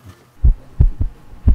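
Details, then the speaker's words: A dog's chest heard through a vet's stethoscope during a clinic checkup: loud, low, regular heart thumps, normal heart sounds. "(So this is what Choco’s heart sounds like..) You can hear it loudly, right?"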